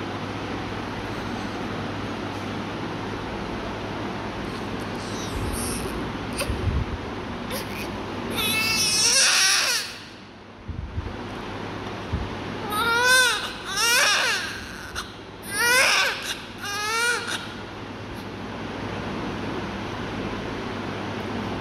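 A steady hiss of room noise, then a newborn cries in several short bursts. Ordinary newborn crying during care.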